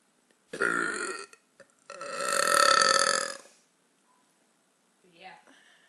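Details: Adult woman burping: two loud, long, croaking belches in a row, then a brief voice sound; repeated burping.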